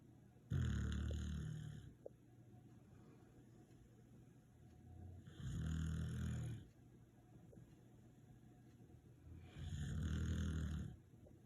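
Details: Deep, rattling snores on each breath in, about 13 breaths a minute, with quiet gaps between them; snoring.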